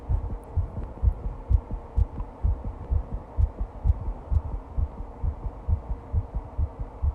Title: Fast heartbeat recording